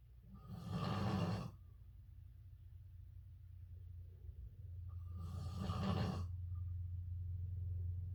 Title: divorce snoring